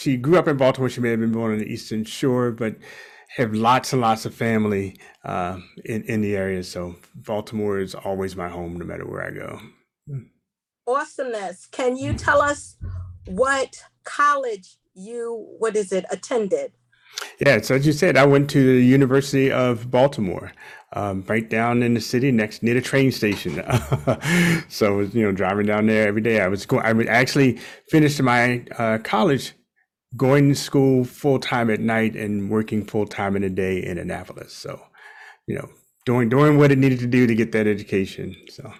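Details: Adult male speaker in conversation, with a brief second voice asking a question; normal speech.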